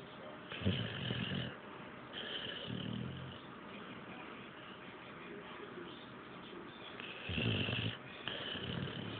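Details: Jager asleep: rough snoring breaths, about three in nine seconds, with quiet pauses between; snoring.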